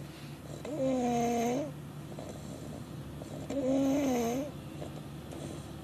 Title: Snoring baby